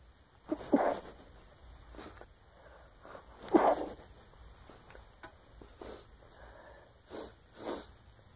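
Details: Female sneezing then blowing her nose: two sharp sneezes followed by sniffs and short bursts of nose-blowing.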